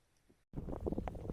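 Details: Brief low gurgling rumble after a moment of near silence; stomach growling (borborygmi), an ordinary digestive sound.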